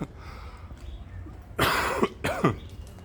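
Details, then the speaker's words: Two harsh, forceful, voiced, throaty coughs after a quiet stretch from an adult recovering from flu. Other symptoms have settled, but extreme coughing fits continue and wake him at night. "so symptoms wise, I think I'm good. It's just uh coughing now. Extreme coughing. Yeah, very like waking up with a coughing fit in the middle of the night."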